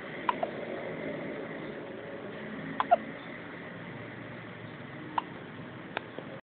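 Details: Hiccups: about six short, sharp gulping catches at irregular intervals over quiet room noise.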